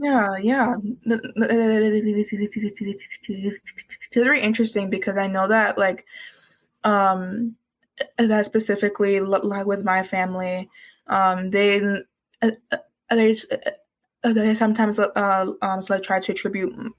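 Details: Real speech from a university student who has stuttered for as long as they can remember, began speech therapy in kindergarten, and calls it one of their hardest challenges until recently: stuttering.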